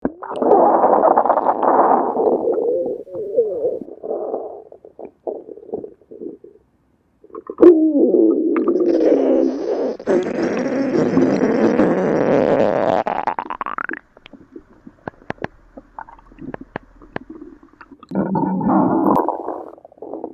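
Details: Gurgling, rumbling bowel sounds with a long rising squeal; stomach growling (borborygmi).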